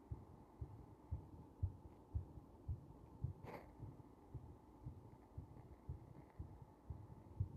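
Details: Heart under compression, somewhat slow: soft, regular low heartbeat thumps under faint background hiss, at a slow, steady pace.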